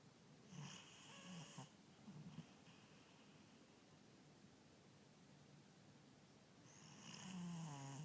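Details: Sleeping animal snoring: soft, low rumbling snores, one near the start and one at the end, over steady room noise.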